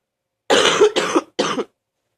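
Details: Person who reports being really sick gives three harsh coughs in quick succession with a rough, rattling texture, coughing up mucus: a productive, wet cough.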